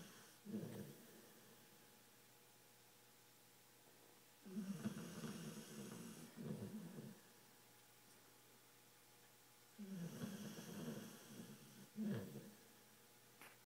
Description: My pitbull Dixie must be really tired. She is keeping me awake with all this noise.